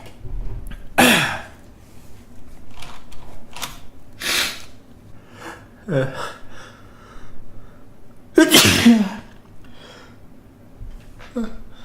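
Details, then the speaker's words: Induced sneezes using chinking: several sharp, explosive sneezes with quick gasping intakes, plus a few softer, stifled sneezes in a quiet room. "sorry ugh that felt really good i'm using a little bit ed inducing with a like a closed tag thing to help him along"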